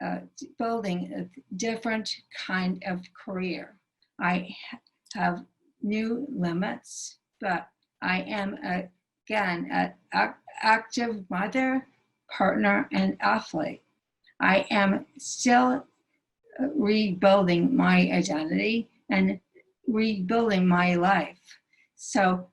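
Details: Aphasia (nonfluent speech) in a female stroke survivor whose stroke initially took away all her speech; speaking remains difficult, with right arm and hand paralysis and a limp.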